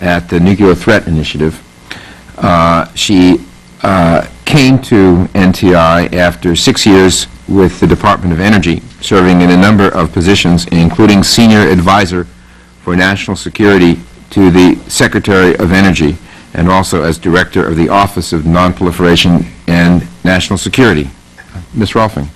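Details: Adult male speaker; Ordinary adult speech.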